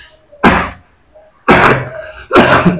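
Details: Three short, forceful coughs in a quiet room, each a sharp burst, during a massage session; a plain cough.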